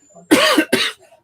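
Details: Cough from an adult who is unwell, with a voice that wheezes while talking and with dysphagia, on medication.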